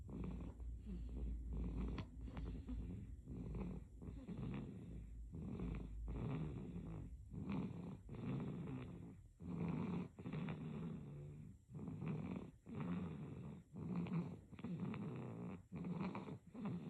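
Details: Sleeping baby snoring: soft, rapid, purring noisy breaths, about fifteen in 17 seconds, over a low background rumble.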